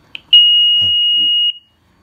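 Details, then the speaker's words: SmartMonitor 2 apnea monitor (heart rate and respiration alarms) switched on with patient cable connected: a short chirp, then a steady high-pitched tone over a second, the start-up self-test alarm. "now you're just button to turn on the apnea monitor it's fun can you turn it on it'll do a self-test it'll start the actual user test"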